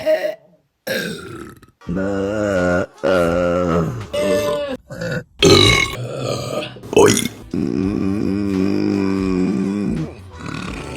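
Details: Female burping compilation: a series of loud, drawn-out voiced belches separated by short pauses, with music behind. Repeated burping.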